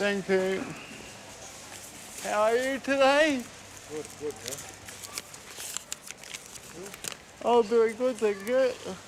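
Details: 32-year-old man born with cerebral palsy, dependent on 24-hour care; slurred speech, reportedly worse when he is tired: dysarthria (cerebral palsy).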